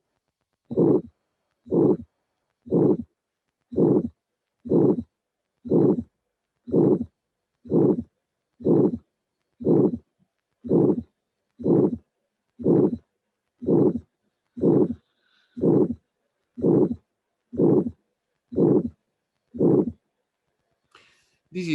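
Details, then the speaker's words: Elderly patient with a degenerative aortic valve: aortic stenosis murmur of maximal intensity at the aortic area, radiating to the apex (mitral area); a classical degenerative aortic stenosis recording. "what we hear in an old patient with the generative arctic valve with maximum intensity of the murmur on the heartick area so this is a classical finding in a degenerative aortic stenosis of an old patient"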